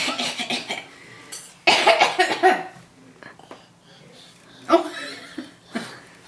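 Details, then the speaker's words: Several deliberate, voluntary coughs made on request for the camera, in bursts separated by quiet gaps, with overlapping talk. "he wants you to cough again you want me to cough for the camera"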